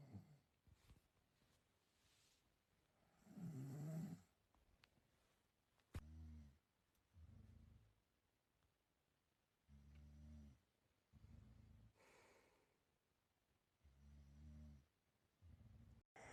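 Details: Repeated low, buzzing snores in short bursts with quiet gaps in a quiet room; a person recording their own ordinary sleep snoring.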